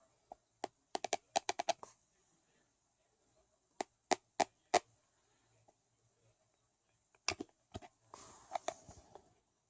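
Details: Recorded during sleep: sharp clicking and grating tooth contacts in bursts, described as bad teeth grinding, consistent with sleep bruxism.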